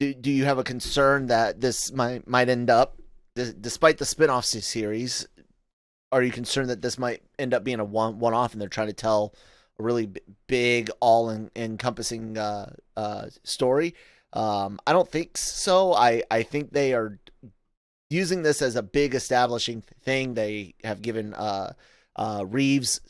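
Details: Adult male podcast host with self-acknowledged stuttering, in spontaneous speech with frequent word and part-word repetitions; stuttering.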